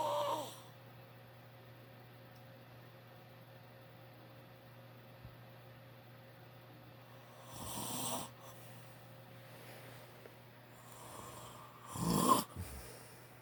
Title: My dad snoring loud